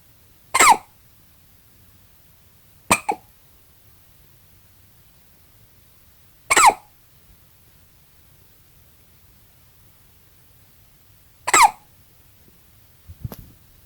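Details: Five short, sharp catches a few seconds apart in a quiet room from an 8-hour-old newborn baby; hiccups.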